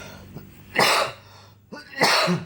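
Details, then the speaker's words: Dry cough and itchy throat for 3–4 days, described as severe: two harsh, forceful coughs about a second apart, each preceded by a short breath in; cough. "mungkin batuk gua agak ganggu."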